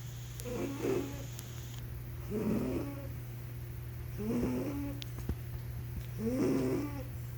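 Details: Soft, rhythmic snoring, about four snores in seven seconds, each a brief rattling breath over a steady room hum.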